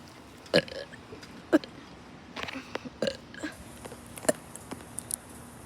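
Several short, sharp burps in quick succession in a quiet room; ordinary belching.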